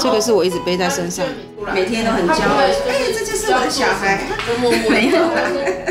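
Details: Adult speaker, likely female; typical speech.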